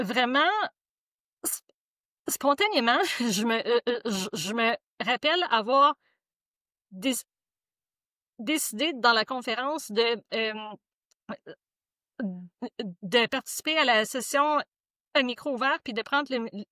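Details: Adult woman who reports her own stuttering; stuttering.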